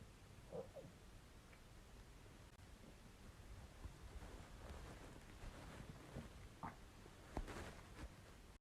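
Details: Steady low rumble with a few brief gurgles from a man's gassy, empty, hungry stomach; bowel sounds (borborygmi).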